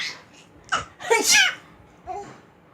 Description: This cute baby was always laughing whenever his aunty pretended sneezing before him.